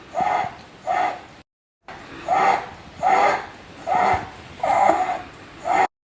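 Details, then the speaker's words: Child, recorded teaching example: repeated tonal whistling, low-pitched expiratory sound from obstruction in the intrathoracic trachea or bronchi: expiratory wheeze. "if the site of obstruction is in the intrathoracic tracha or broni then it is low pitched expiratory sound otherwise called as V"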